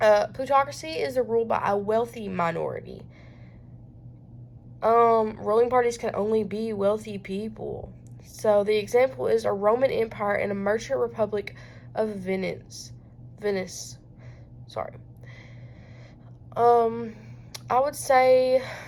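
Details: Self-reported stuttering in a female student giving a school presentation with background noise; this stretch has repeated pauses and broken phrases. Finding: stuttering.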